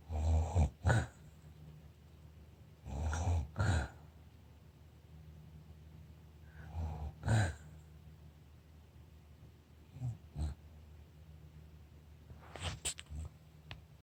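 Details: Low, soft snoring in paired in-and-out breaths, about 20 breaths a minute, in a quiet room; snoring.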